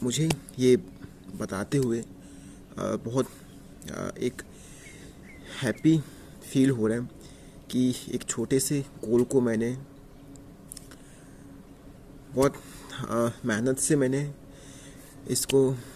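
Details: Adult man who has stuttered for years and still has blocks on some words despite ongoing yoga, meditation and breathing-exercise practice during a 30-day speaking challenge; stuttering.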